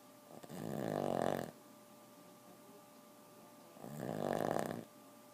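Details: Four-year-old Boston terrier snoring while asleep, keeping owners awake: two loud, buzzing, drawn-out snores about three seconds apart.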